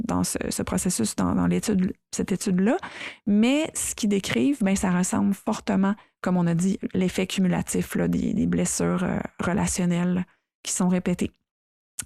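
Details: Adult who stutters, speaking French, real stuttering; reports still experiencing moments of dissociation while stuttering. Finding: stuttering.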